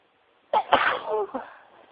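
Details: A single sharp sneeze into tissues: brief intake then an explosive, slightly muffled burst; sneeze.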